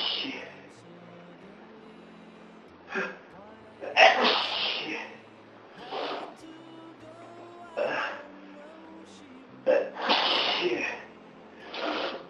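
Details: Adult with a cold for about three days: several loud sneezes with sharp inward gasps and explosive bursts over about twelve seconds, with faint music behind.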